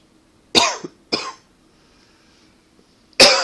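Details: Three short, dry coughs, the first two close together and the third after a pause; a tickle cough attributed to allergies and partly to smoking.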